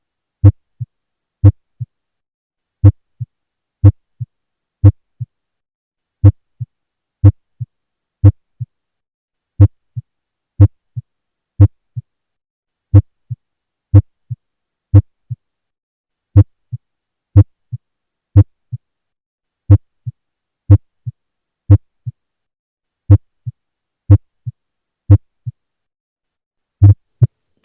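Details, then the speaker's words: Loud first heart sound heard with a stethoscope: a steady heartbeat near 60 a minute, each first sound sharp and loud, followed by a softer second sound. "This is the Loud First Heart sound You can listen it for one minute"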